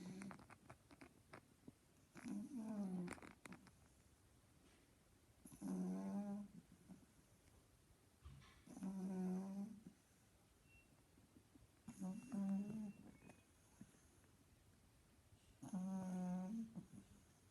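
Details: A sleeping pug, possibly a puppy, gives loud, rattling snores about every three and a half seconds (roughly 18 breaths a minute), typical of a short-nosed dog; snoring.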